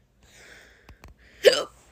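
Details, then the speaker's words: Hiccups in a young person who has had them for the fourth time that day and is crying about it; doctor said they would stop after puberty. Two small catches, then one louder, abrupt hiccup with a sudden voiced gulp. "is the fourth time i've had hiccups today and i'm crying about it because it's not that fun"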